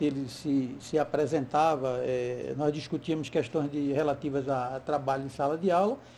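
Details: Adult male speaker, Brazilian Portuguese; Normal fluent speech.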